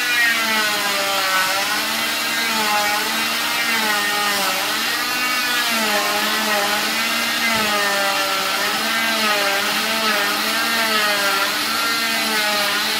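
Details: Steady high whine of an oscillating cast saw, pitch wavering as it cuts through a cast, light music behind; the patient's 5th cast removal in 7 months, sensitive skin prone to reactions (contact dermatitis).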